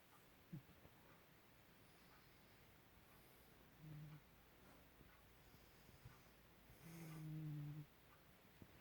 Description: I had to do this little clip as it was so cute that my cat was snoring and all curled up In a ball and his pour over his face. 🐱🐱🐱